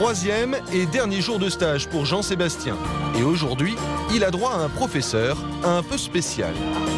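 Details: Adult narrator; no disorder.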